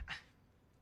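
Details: Barking vocal tic in Tourette syndrome, acted by the male main character of a film about Tourette syndrome.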